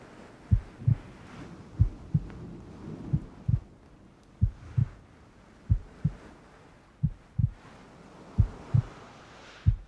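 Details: Heartbeat sound used in a cuddling ASMR recording with rain ambience: paired low thumps repeating at roughly 47 beats a minute over faint background hiss; a steady heartbeat.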